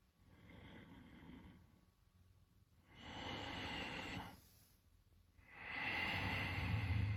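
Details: Three slow, rough, rumbling breath sounds separated by quiet pauses; snoring, described as arising when a restricted nose forces mouth breathing, jaw drop and tongue fall, making the airway vibrate.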